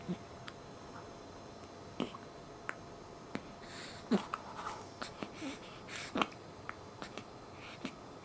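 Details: Newborn girl aged 1 week and 1 day with hiccups during taping: soft, sharp little catches repeating a few seconds apart, faint breathing and room noise.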